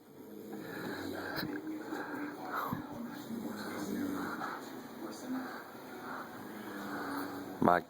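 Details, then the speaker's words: Sleeping adult snoring loudly in a living room, a rough, rasping noise rising and falling with each breath, likened to an airplane taking off: snoring. "God no wonder I can't sleep it sounds like a airplane taken off of my apartment Lord just some earplugs"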